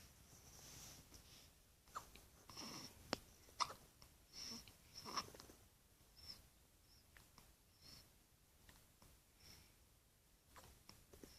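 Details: Quiet room with repeated brief, sharp, gulping catches every second or so, a bout of hiccups.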